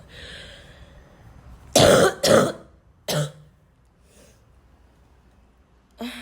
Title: I'm coughing a lot